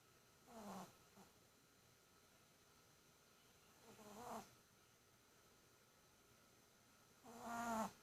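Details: Small dog (chi) snoring: soft, tonal snores about every 3–4 seconds in a quiet room; ordinary snoring during sleep.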